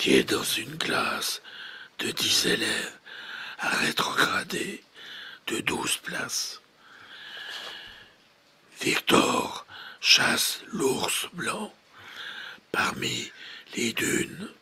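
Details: 68-year-old man with bilateral vocal fold immobility; true fold vibration not restorable, so ventricular (false) fold voice trained; after five therapy sessions using only a beatbox app, replacing initially very breathy voice; ventricular band voice.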